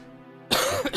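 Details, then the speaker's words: Single short, moderately forceful cough from an adult woman still slightly sick and recovering from an illness, with faint music in the background. "Yeah. See, see, that's not nearly as impressive as my previous coughs."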